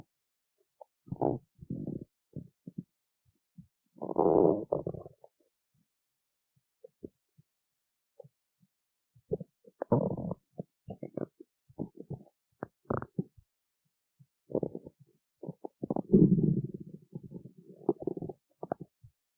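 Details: Stomach growling: repeated low rumbles, gurgles and short squeaks from the belly in a quiet room.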